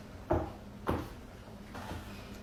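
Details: Lower back joint cracking (cavitation) while sitting on the edge of a chair with the tailbone at the end and relaxing: two short, dull knocking pops in a quiet room.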